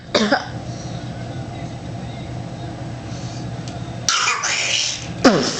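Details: A young child, asked whether she has a bad cough, gives about three short, harsh coughs over a steady low engine hum.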